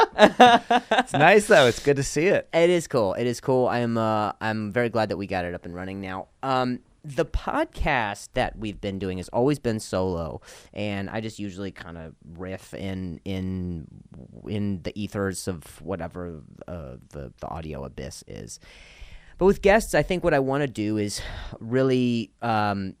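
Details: Adult man who stutters, in real conversational speech; stuttering.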